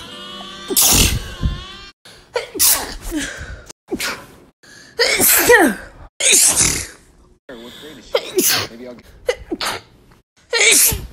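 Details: About seven loud, sharp sneezes in a row from an adult, with brief pauses between bursts; sneezing.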